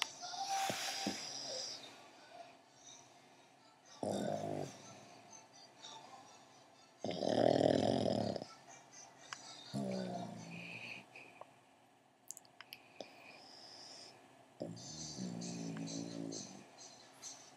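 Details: Otis snoring while sleepy: irregular snoring bursts on inhalation, several over about 17 seconds, with soft background sounds between them.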